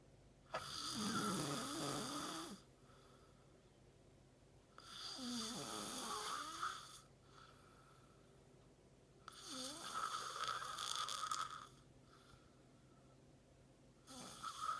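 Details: Man who fell asleep mid-conversation, snoring: regular rattling snores on each breath in, about 16 breaths a minute, with quiet pauses between; snoring.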